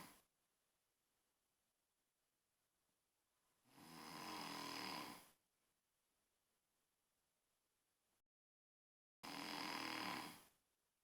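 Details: Slow, regular snoring: two long, harsh snores a few seconds apart, with quiet between them.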